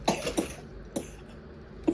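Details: Child with a cold coughing: four short, harsh coughs in quick succession.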